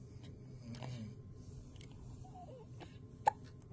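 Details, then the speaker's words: Newborn in hospital in first days of life, fussing and not staying latched at the breast: soft fussing over room hum, then a single sharp, abrupt hiccup; newborn hiccups. "you're acting like you want to eat boobies but you won't stay latched with them hiccups no my little hiccup baby"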